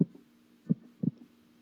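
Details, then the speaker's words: Normal heart sounds heard with a stethoscope: low, short lub-dub thumps from the valves closing, crisp, with no murmur between them. "like this that is a normal sound of the heart that we can hear"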